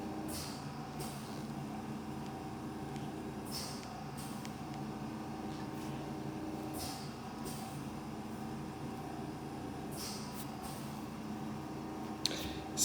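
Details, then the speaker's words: Steady motor hum with short hissing puffs every few seconds, described as the breathing machine; running noise of a home oxygen concentrator. "quoi le bruit qu'on entend ? C'est la machine à respirer."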